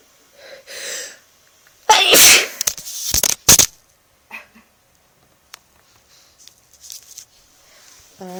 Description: I had a sudden desire to sneeze a lot so I made these come out ;)